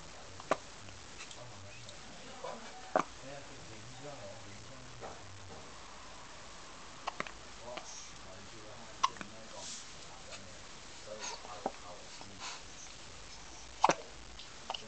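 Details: A person with hiccups: brief, sharp hiccup sounds at irregular intervals, about five in fifteen seconds, over quiet room noise.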